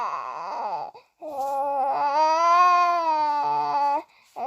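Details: Infant boy crying: a sustained wailing burst with brief pauses, a strong clear cry in a small room.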